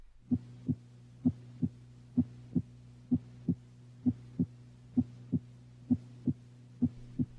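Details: Normal heart sounds with stethoscope diaphragm at the lower sternal border and apex, OSCE cardiovascular examination: regular lub-dub at about 68 beats a minute over a low steady hum, S1 louder than S2.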